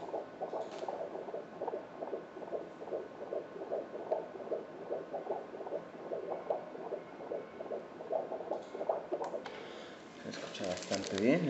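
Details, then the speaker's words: Fetal heart during a 17-week second-trimester ultrasound: fast, regular whooshing Doppler pulses at 149 beats per minute, a normal fetal heart rate. "En este momento la frecuencia cardíaca fetal es de 149 pulsaciones por minuto. Está completamente normal la frecuencia cardíaca fetal."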